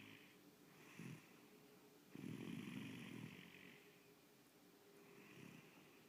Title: Chase snoring